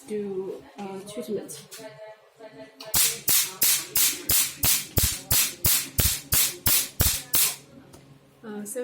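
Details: Handheld pico laser demonstration: about 17 sharp, evenly spaced snapping pulses, roughly three a second, after brief talk; pico laser firing.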